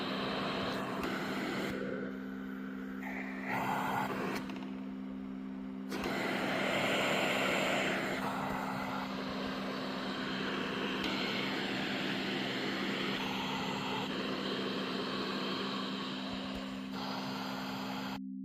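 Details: Used Philips Cough Assist E70 mechanical insufflator-exsufflator (cough assist device), tested working, running: steady motor hum with a blower rush that swells and eases.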